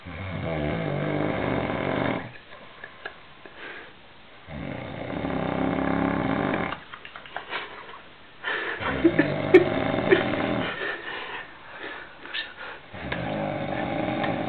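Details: Male sleeper snoring in Viveiro: loud, rough, rattling snores in long bursts with short quiet gaps, in a small room; heavy snoring.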